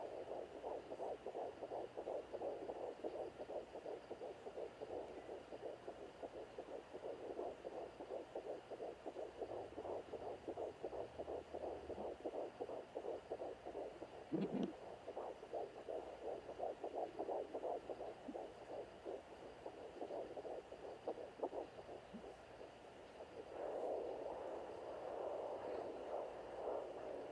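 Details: Educational digital fetal Doppler demonstration of normal versus abnormal fetal heart tones: rapid, regular whooshing beats around 140–170 a minute, with cord and placenta sounds.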